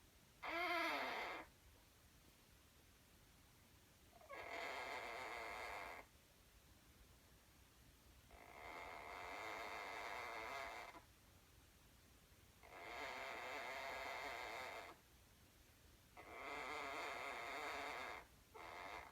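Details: Sleeping conure (small parrot) snoozing: faint, raspy, hissing snores about every four seconds, roughly 15 a minute, with quiet gaps between.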